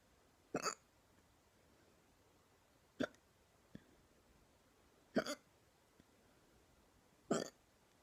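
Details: Painful "neck hiccups": four abrupt, brief gulping bursts a couple of seconds apart in a quiet room, about 28 a minute; repeated hiccups.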